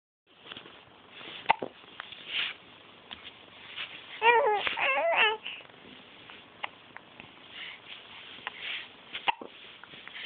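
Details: A 9-week-old baby babbling and fussing while having hiccups, with brief, sharp catches in the voice and some room noise; hiccups.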